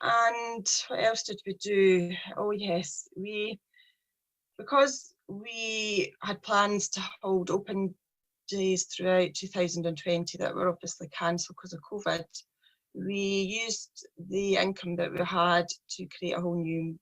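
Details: Stuttering (stammering) in a 43-year-old woman, a speech problem present since age three, with her speech journey beginning in 2018; a person who stammers.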